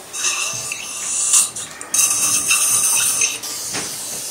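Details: High-pitched whirring drill and suction hiss in bursts as a 5.0 x 10 mm implant site is prepared at tooth #30 in an adult female dental assistant.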